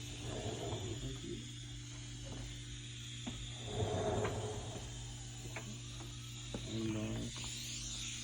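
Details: Steady low mechanical hum with hiss and occasional clicks from a suction machine tested before airway suctioning, in a nursing lab demonstration on a dummy patient.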